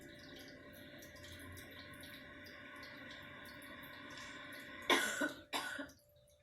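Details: Adult news anchor coughing on air while reading the news: steady room hum, then two sharp, harsh cough bursts close together near the end.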